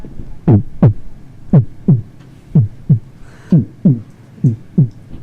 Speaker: S4 would be like a whoosh before the lub. Okay. So a normal heartbeat, maybe if I don't know if the other one got picked up on a mic, but we'll see if we can pick up really good this one.